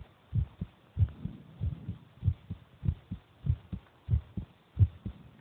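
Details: Brother's heartbeat recorded while he is eating: repeated low thumping paired beats at roughly 90–95 a minute, ordinary-sounding; heartbeat.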